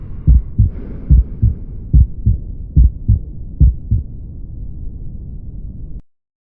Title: heart sounds